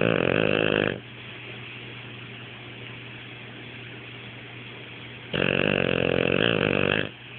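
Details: Dog sleeping with half-open eyes, snoring: two long, vibrating, rattling snores about five seconds apart with a steady hum between them.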